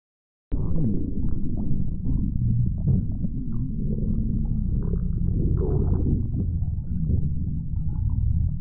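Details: Close-up continuous loud, low rumbling and gurgling stomach growling: ordinary bowel sounds (borborygmi).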